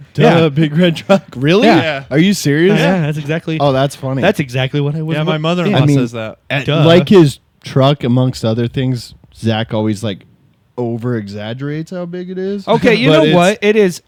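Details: Adult men in conversation; typical adult male speech.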